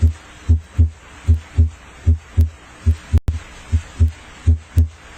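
Steady lub-dub heartbeat at about 76 a minute, with distinct first and second sounds and a brief click and rustle near the end; normal heart sounds.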